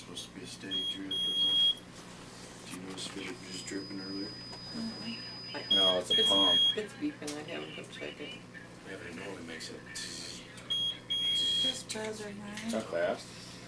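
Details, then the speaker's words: Repeated high electronic beeping bursts over room noise and voices in a newborn baby's hospital room: an infusion pump alarm; family suspects the pump is not plugged in, battery light on. "I'd call them about that because that shouldn't beeping suppose it's not plugged in the battery light's on now"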